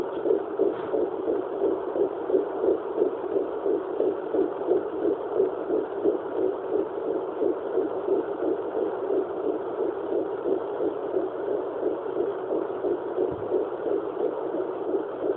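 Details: Fetal heartbeat on a handheld fetal Doppler at 11 weeks 4 days of pregnancy: rapid, regular whooshing pulses at about 176 beats per minute.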